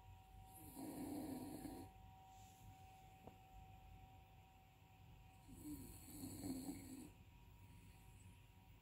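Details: Dog snoring that continues even after waking: two soft, rattly snoring breaths about five seconds apart over a faint steady room hum.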